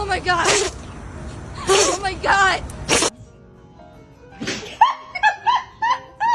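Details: Dog sneezing: three explosive nasal bursts, with loud music playing over them.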